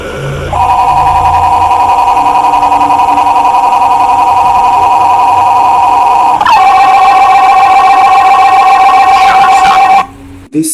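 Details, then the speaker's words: MRI scanner noise: loud, steady electronic tones that pulse rapidly and change pitch partway through, loud enough that it could damage hearing without ear protection. "sound is so loud that if you don't wear some protection on your ears, it can make you deaf as well."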